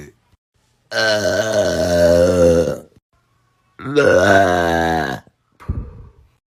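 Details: Adult woman (a mom) burping hard; she says she sometimes swallows air. Two long, loud, voiced belches of about two seconds each, then a brief softer sound.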